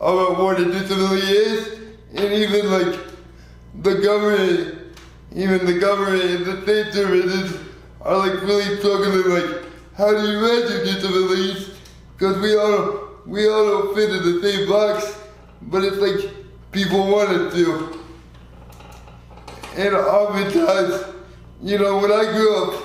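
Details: 24-year-old man with lifelong spastic quadriplegic cerebral palsy, born prematurely weighing 2 lb 4 oz; real patient; dysarthria.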